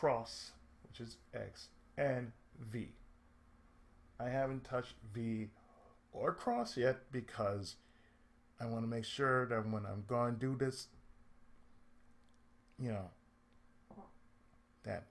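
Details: Adult male with cerebral palsy and speech difficulty since childhood: speech affected by cerebral palsy.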